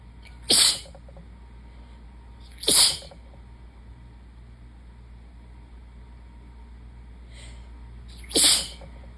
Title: 7/16 - sudden, desperate sneezing fit